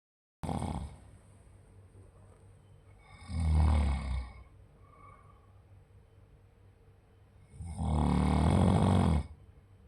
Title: Do you know what snoring sounds like?